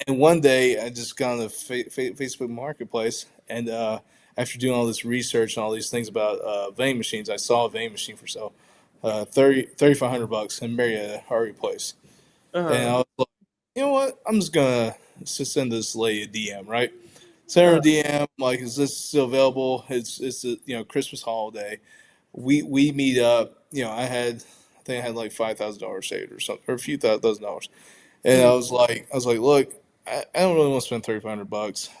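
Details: Adult man who stutters, pronounced with blocks in childhood, varying day to day, showing repetitions; stuttering.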